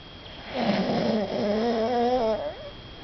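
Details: Snoring: a single drawn-out, rattling, slightly voiced noise on a breath, with room hum behind.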